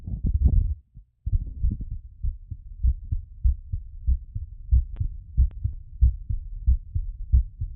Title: Post exercise recovery auscultation